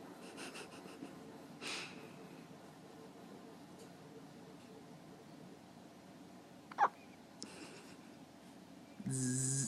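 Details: A person with the hiccups.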